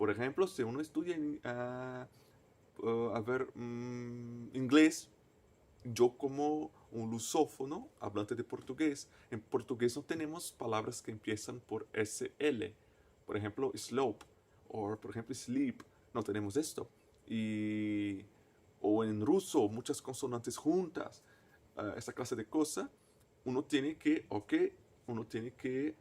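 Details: Person who stutters, a native Portuguese speaker speaking Spanish as a foreign language; stuttering.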